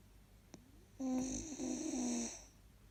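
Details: Sleeping 4-month-old husky puppy: one drawn-out breath with a whistling, wavering squeak; snoring.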